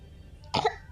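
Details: Child with a cold gives a single short, moist-sounding cough over faint room noise.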